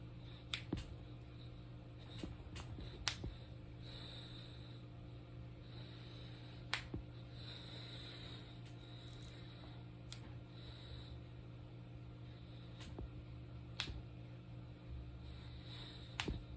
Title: Cracking my fingers and knuckles. This is my favorite cracking video.￼